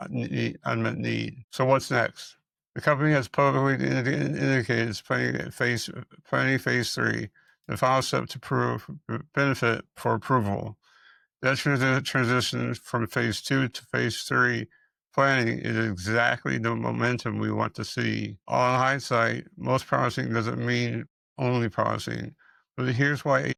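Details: Man with multiple system atrophy, which he describes as a fast-moving disease that affects speech; dysarthria (multiple system atrophy).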